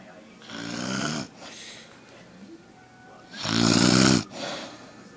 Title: My mommy snoring big time!